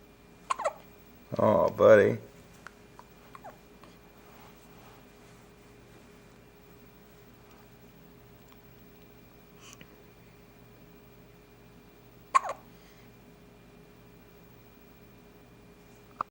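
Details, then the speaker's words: 6-day-old baby boy (newborn) with hiccups: brief sharp catches of breath, widely spaced, with a short vocal sound near the start, in a quiet room. "Hiccup. Oh, buddy. You got the hiccups. Oh, no. Poor guy."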